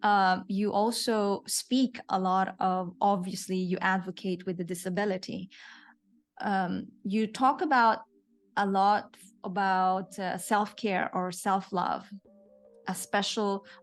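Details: Adult woman speaking; typical speech.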